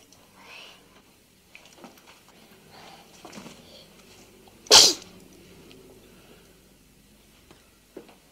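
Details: Sneezing and hiccoughs from a 58-week-old baby girl playing with a teddy bear; sneeze.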